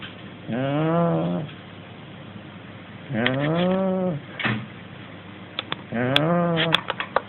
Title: millie the shar pei / corgi snoring